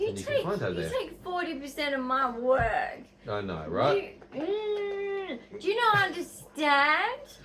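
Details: Vocal tics during a severe Tourette syndrome episode in an adult woman with vocal and motor tics, who also has 22q11.2 deletion syndrome, autism, ADHD and OCD; awake since about 4:30 a.m.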